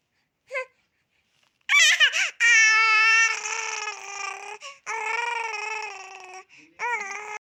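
Several drawn-out, high-pitched infant wails with short breaks between them, an ordinary crying pattern in a quiet room.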